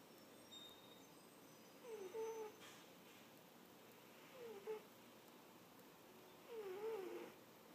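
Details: A cat napping gives squeaky snores; snoring.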